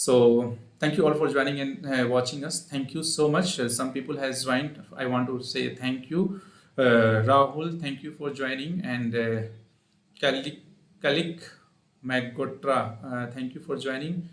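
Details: Adult male speaker; normal voice.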